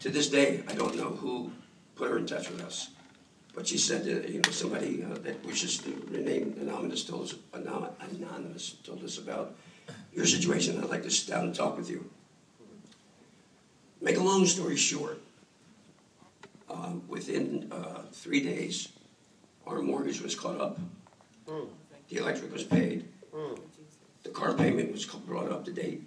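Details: Dysphonia in an adult male throat cancer survivor, 14 years after treatment with simultaneous radiation and chemotherapy.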